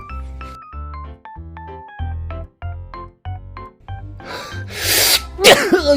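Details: Sudden loud, explosive sneeze near the end over light background music; a cat is startled by the sneeze.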